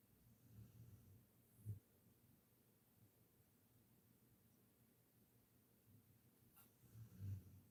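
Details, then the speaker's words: Faint, low rumbling snores a few seconds apart from a sleeping dog lying in her bed, over quiet room noise: ordinary snoring. "I'm so sorry if you can hear my dog snoring in the background. She's behind me laying in her bed."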